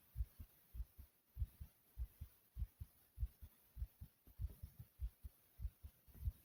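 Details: Strong, regular lub-dub heartbeat at about 100 beats a minute, described as beating hard and loud, at the upper edge of normal: fast heartbeat (tachycardia).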